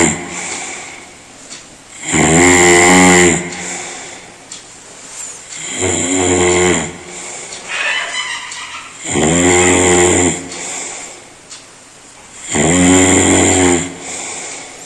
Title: World's LOUDEST HUMAN SNORING SOUND